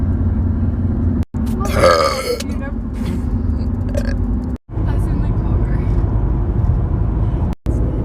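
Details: Girl burping, from a compilation of short clips: a drawn-out, croaky burp over heavy low rumbling background noise, with a few short voice sounds after it.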